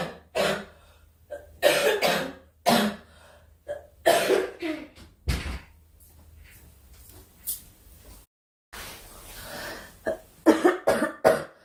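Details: Girl coughing during a live stream, wishing aloud for the cough to stop: repeated harsh coughs and throat clearing in bursts with short pauses; recurrent cough.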